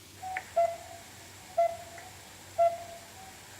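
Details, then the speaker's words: Steady electronic cardiac monitor beeps at about 60 a minute, tracking the regular heartbeat of a female patient recovering from implantation of a reused pacemaker; cardiac monitor heartbeat beeps. "The sound of a patient's heartbeat at the Churcham Hospital in Freetown as she recovers from a pacemaker implant."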